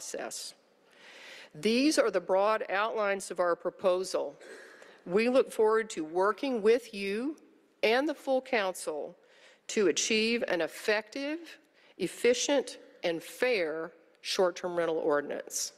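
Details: Adult woman speaking; normal speech.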